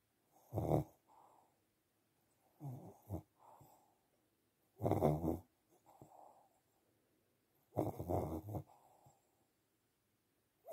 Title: Sleeping pug snoring away